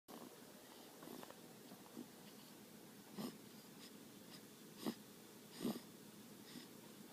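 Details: Baby snoring during sleep: soft, irregular snorting and whistling breath noises over quiet room background.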